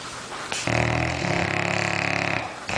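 A loud, buzzing, fluttering breath lasting about two seconds, a clear snore from a sleeping pet.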